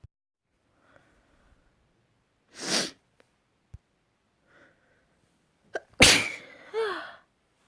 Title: Wet sprayed sneezes